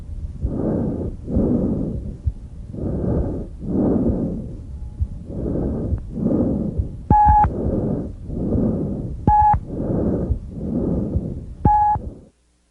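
Loud, harsh, hollow breath sounds over the trachea, expiration slightly longer than inspiration; a normal finding.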